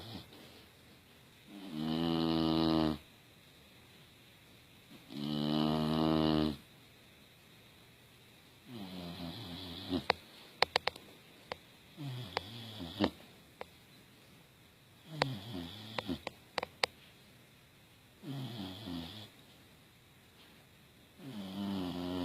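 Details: Female English Bulldog cozy in a blanket, snoring: loud, buzzing, rattling snores on each breath, about six in twenty seconds, some with wet clicking sounds between.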